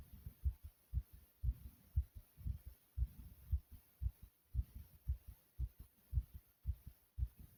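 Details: Person's own heartbeat, described as beating hard and loud: a rapid, regular, forceful heartbeat at about 115 beats a minute, faster than a normal resting rate, a fast heartbeat (tachycardia).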